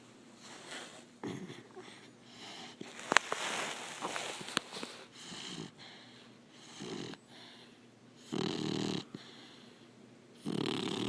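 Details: Soft, irregular snuffling breaths with a few snorts from a sleeping Labrador puppy; light snoring.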